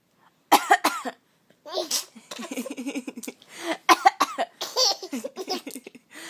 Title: Coughing hilarity